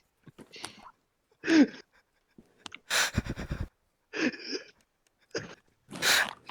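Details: Loud, irregular snorts and rasping breaths with silent pauses between them during sleep; snoring.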